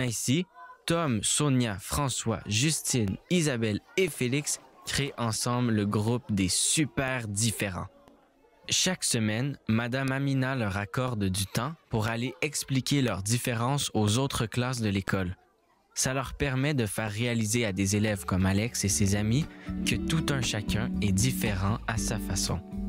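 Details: Adult male narrator; normal speech.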